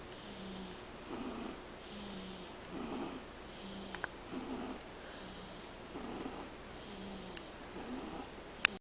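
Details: Soft, regular snoring at about 30 breaths a minute with a faint buzz on each breath, from a five-week-old kitten sleeping.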